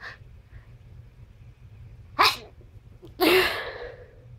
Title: More Sneezing